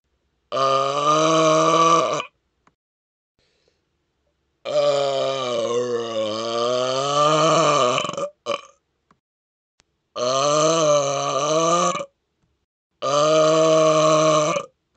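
Four long, loud, deliberately voiced belches with pauses between them: forced burping.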